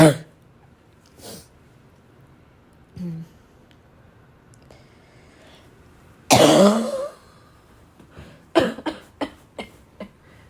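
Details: Scattered throat clears and snorts from a girl, then one loud harsh cough and a rapid run of about five short dry coughs; barking cough.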